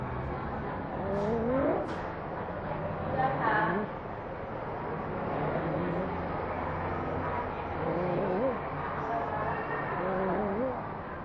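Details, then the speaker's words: Child in a clinical training video: repeated harsh, pitched noises on breathing in, heard over steady background noise. This is stridor, which in a calm child signals danger of life-threatening airway obstruction. "child has a harsh noise on breathing in this child has stride or [Music] if a calm child has stride or the child is in danger of a life-threatening airway obstruction"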